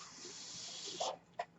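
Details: Speaker's own mechanical ventilator, heard during his podcast talk: a steady airy hiss of gas flow ending with a brief valve tone and click, then a second short click, a ventilator breath cycle.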